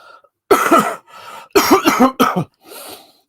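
Three loud, partly voiced cough bursts from an adult, with softer breathy intakes between them; a cough during a cold.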